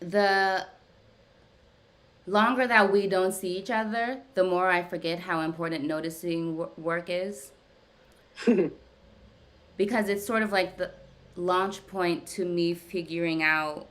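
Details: Adult woman who stutters, speaking during a live therapy session with her therapist; therapy has gradually helped her speech over time; stuttering.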